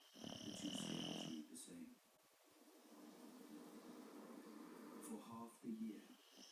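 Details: A loud, rattling, fluttering snore, then quieter rumbling breaths and a second shorter snort from a sleeping Boxer dog; snoring.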